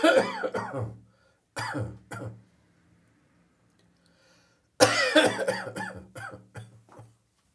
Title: A little morning catarrh coughing